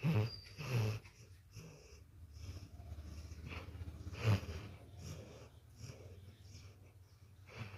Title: My Dog Ramdas😅 Snoring like human😅🐕🐕